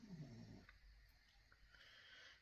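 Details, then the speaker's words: A dog sleeping in a doorway gives a single low, rumbling snore at the start, then quiet room noise; snoring. "I've got a dog in the doorway snoring I'm sure you can hear them"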